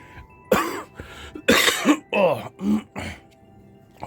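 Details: Several harsh cough bursts in quick succession with a throat-clearing quality, recorded during a live-stream.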